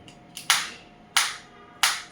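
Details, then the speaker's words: Focused (not radial) extracorporeal shockwave therapy applicator firing on the hand, intensity 3 of 1–15, frequency 90 (range 30–180); sharp, loud snapping pops about every two-thirds of a second; focused shockwave device firing. "And now you can see we are getting the shot. So this is also the button over here."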